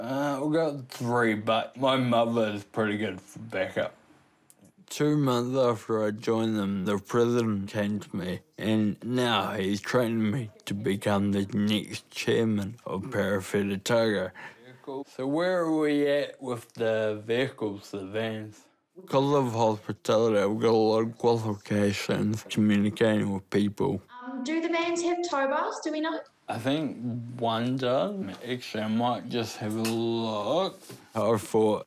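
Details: Ataxic dysarthria in a 29-year-old man with Friedreich's ataxia, a rare degenerative genetic disease diagnosed at 18, causing slurred speech that has worsened over time and progressive walking difficulty; he now uses a wheelchair.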